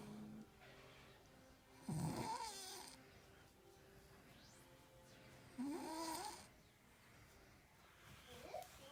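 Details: Ape snoring; two loud rasping, fluttering breaths about four seconds apart, over a steady low hum and faint room noise; snoring.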